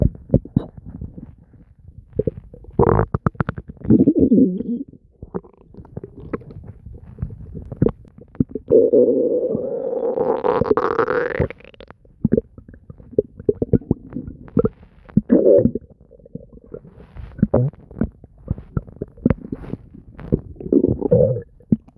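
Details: Frequent gurgling and bubbling with a long rising growl: nonstop active stomach noises, bowel sounds (borborygmi).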